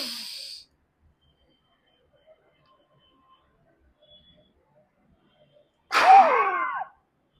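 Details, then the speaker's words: Peak flow meter demonstration for asthma monitoring, done standing: a deep breath in, a pause, then one short, forceful blast into the mouthpiece; reading between 400 and 450 L/min. "గట్టిగా ఒకసారి ఊదాలి. తర్వాత ఇక్కడ మనకి reading చూపిస్తుంది అన్నమాట."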